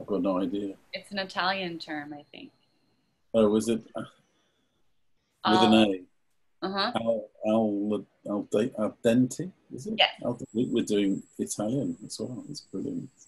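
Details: Adult after stroke in online aphasia group therapy, searching for words; aphasia.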